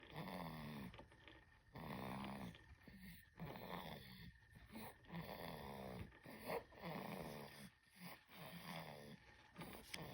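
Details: Sleeping baby snoring: repeated noisy, fluttering breaths with a low rattly snore on each breath, about 18 breaths a minute.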